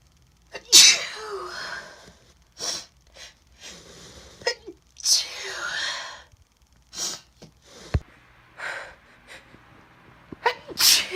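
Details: Repeated loud sneezes, labelled (F), each with a sharp airy burst after a short breath in and quiet sniffs between, after the sneezer says it tickles.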